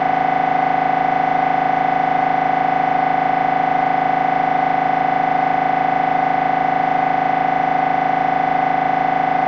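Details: MRI scanner during a brain scan: steady, loud, rapid mechanical buzzing with a fixed tone, repeating about 158 times a minute; typical MRI scanner noise.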